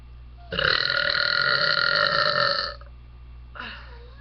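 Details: A long, loud, buzzing voluntary burp of about two seconds followed by a short quieter one; burping.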